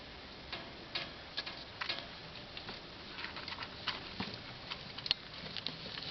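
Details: Newly acquired pet-store rats, all very sick: repeated tiny sharp clicks and puffs, about a dozen in six seconds; constant frequent sneezing in a rat.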